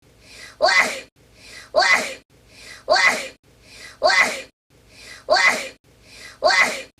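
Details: An unusual-sounding run of 30 consecutive sneezes, heard here as six evenly spaced sneezes, each a brief inhaled build-up then a sharp, high-pitched burst, about one per second.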